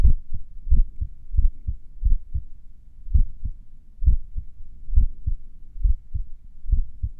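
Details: Heart sounds a few minutes after finishing morning exercises: low paired beats about 70 a minute with pauses that lengthen and shorten; sinus arrhythmia during recovery.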